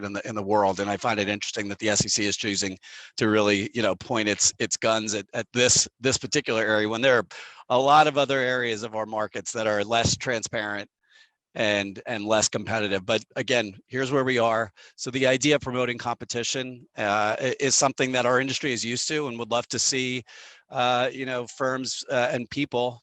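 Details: Adult man speaking; typical adult speech.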